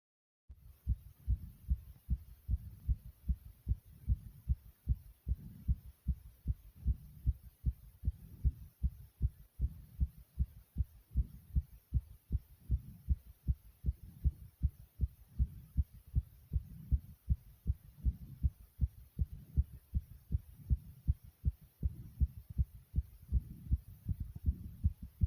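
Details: Person's own heartbeat beating very quickly: strong, regular, thumping beats at a fast pace, consistent with a rapid heartbeat (tachycardia).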